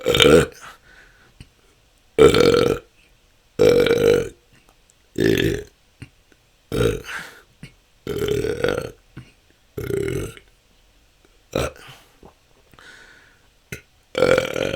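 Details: Adult with frequent, repeated loud belching, about ten burps in fifteen seconds with short pauses, part of 10 continuous minutes of natural burping; episodes can last hours and have been a struggle for the last couple of years.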